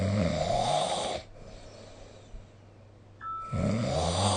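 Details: Loud, rough vibrating snores with quiet pauses between, recorded with the SnoreLab app during sleep; ordinary snoring.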